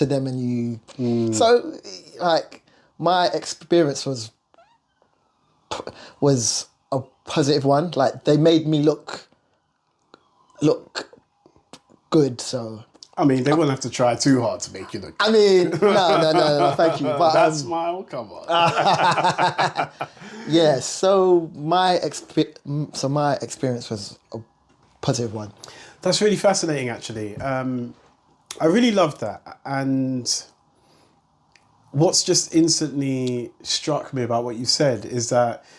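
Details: Stuttering (stammer) in an adult male singer.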